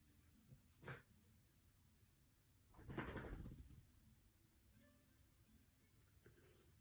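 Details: A small dog with kennel cough gives a brief harsh cough, then a longer rough hacking burst in a quiet room; attacks occur all night.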